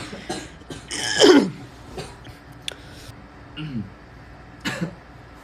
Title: Kingdom cough